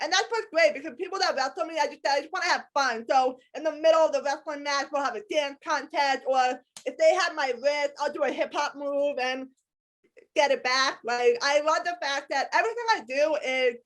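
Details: Adult woman with a lifelong disability and a lifelong speech impediment despite extensive speech therapy; speech impediment.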